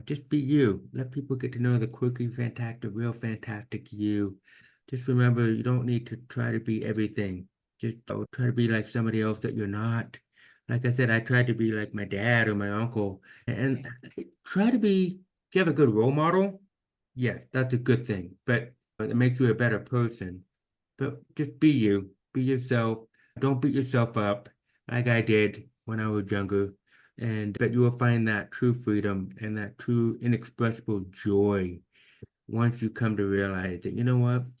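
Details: Deaf speech in a man almost 50 with severe to profound hearing loss since birth, diagnosed at age 2, orally trained with about 13 years of speech therapy; finding: deaf speech.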